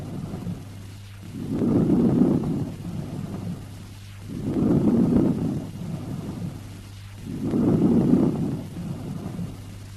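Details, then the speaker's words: Stethoscope diaphragm at the lung base, patient sitting or standing: soft, low-pitched rustling breath sounds, about 20 breaths a minute, higher frequencies filtered out (200–400 Hz); normal vesicular breath sounds. "This is the normal breath sound heard at the base of the lung and is termed as vesicular breath sound. Listen to the vesicular breath sound and note its soft, low-pitched, rustling quality."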